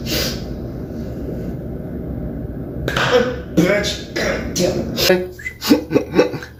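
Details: Abrupt vocal bursts and sharp slapping hits in irregular clusters after a quiet stretch, from a man with Tourette syndrome during a tic attack at work, hitting his forehead, head and chest; vocal and motor tics.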